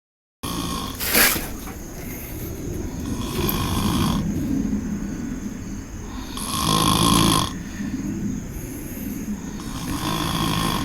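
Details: A sleeping person gives loud, rough, rattling snores with each breath over steady room noise; an onlooker suggests Xanax ("Xannies") left him zombified; heavy snoring.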